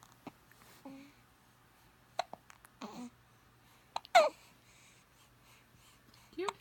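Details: Hiccups.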